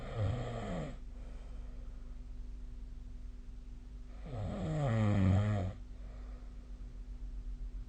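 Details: Nightly sleep recording via the SnoreLab app: two low, rattling inhaled snores about four to five seconds apart, quiet breathing and faint room hum between; snoring.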